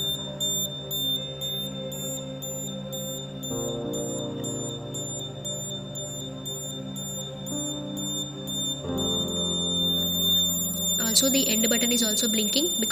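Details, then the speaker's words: Syringe pump end-of-infusion alarm: rapid repeating high beeps over background music as the near-empty and end buzzers sound once the fluid in the syringe is completed. "the total fluid which is present in the syringe have completed. So we are getting the end [music] buzzer and the near empty buzzer."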